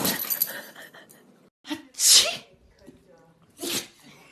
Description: 🐶 Cute & Silly Dogs PT.6 – Sneezing Dogs Edition 💨